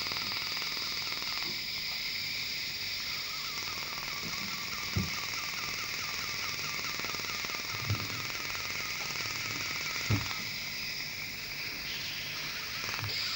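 Steady high hiss with a rapid, regular ticking or popping train and a few sharp clicks: an Er:YAG dental laser preparing cavities.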